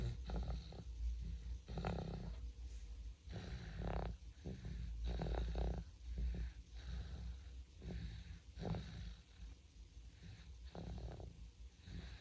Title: 4개월 아기 코고는 소리 모음, Compilation of 4-month-old baby snoring #아기, #baby, #4개월, #cute, #코골이, #snoring